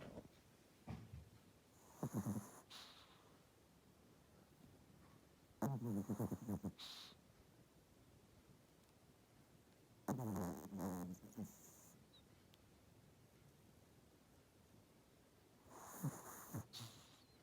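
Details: Pomeranian dog sneezing a lot recently, owner wonders if pollen allergy, usually coughs somewhat; four bouts of sharp nasal snorting sneezes several seconds apart in a quiet room; repeated sneezing.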